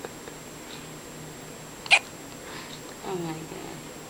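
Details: 2-day-old baby girl with hiccups, which she gets two or three times a day: a single sharp, brief catch in a quiet room, followed by soft vocal sounds.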